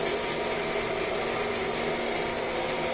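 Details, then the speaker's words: Newly replaced three-phase 380 V vacuum pump motor on a BMT Sterivap 6612 autoclave, running current about 9.4 A per line, stabilized: loud steady motor roar with whooshing rush; autoclave vacuum pump running normally. "Yan yung pinaka running niya guys 2.4 so mariring ko naman yung andar ng motor na stabilize na siya"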